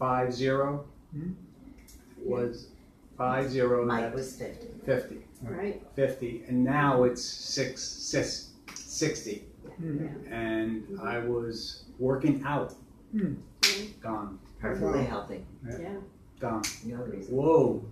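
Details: Man with aphasia after a stroke that struck while he was healthy and working out, speaking; aphasia.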